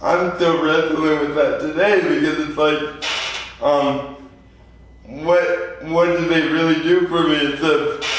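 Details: 24-year-old man with lifelong spastic quadriplegic cerebral palsy following premature birth at 2 lb 4 oz; dysarthria (cerebral palsy).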